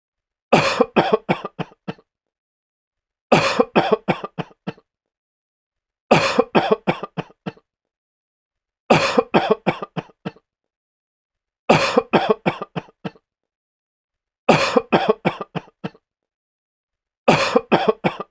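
Seven regular fits of harsh, rapid coughing, each a run of six or seven coughs, acted for effect.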